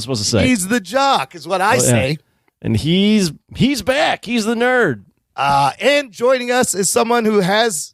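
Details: Adult speaker; Normal adult speech.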